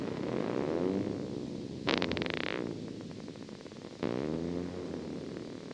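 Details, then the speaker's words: Needle EMG buzz with rapid repetitive discharges that speed up and wax and wane in amplitude: myotonic discharge. "you can see these long and you can kind of hear that rapid speeding up you can see it a little bit and it also will increase and decrease in amplitude as well"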